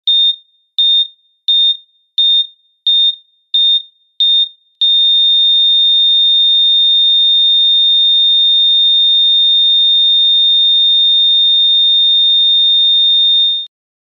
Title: Heart Rate Monitor Flatline